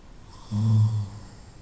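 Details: Snoring at night during sleep: a single low, rumbling vibration on a breath; snoring.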